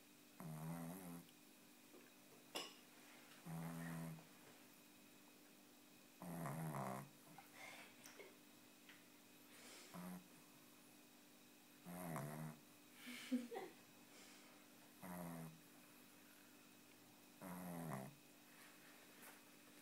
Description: 6 month old Tibetan Spaniel puppy sleeping.